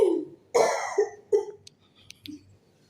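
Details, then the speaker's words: Voluntary effective-cough throat clearing in a simulated skills-lab role play: after deep breaths out through the mouth, a female "patient" gives two or three forceful throat-clearing huffs, then quieter clicks and a soft grunt, trying to bring up a little sputum. "Coba sekali lagi berdehamnya yang agak keras ya bu. Terus kalau ada dahamnya coba keluarkan di sini."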